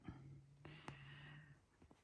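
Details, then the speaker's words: 17-year-old cat sleeping on a heated panel in his bunk: faint, steady, low rumbling breath sound with a few soft handling clicks; cat snoring. "I don't know if you can hear that fudgy snoring oh to be a"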